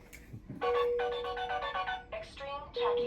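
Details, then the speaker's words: Repeating electronic alarm tones from a bedside heart monitor flagging "extreme tachy" at a heart rate of 140 in a hospitalized woman with a chronic illness relapse; tachycardia alarm. "Extreme tacky alarm. 140. Yeah, she used to work out like pretty good like extremely workout and she was very fit."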